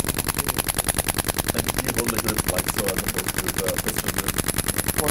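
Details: DolorClast radial shockwave therapy for Achilles tendinopathy, applicator held over the tendon: rapid, regular loud clicking pulses, about 200 a minute; radial shockwave device firing.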